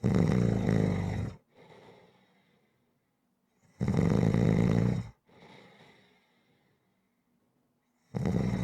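Loud, rough snores on each breath in, about every four seconds, with softer breaths out between: rhythmic snoring.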